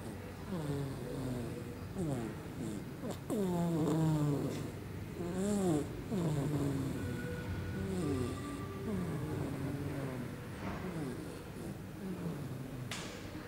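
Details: Repeated rough, buzzing breath sounds every couple of seconds from a sleeping younger sister; snoring.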